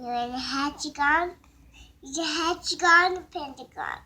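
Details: 3-year-old boy with mild autism spectrum disorder, excited during play, repeating phrases and echoing things his mother said just now and on previous days, with hand flapping and jumping; echolalia with vocal stimming.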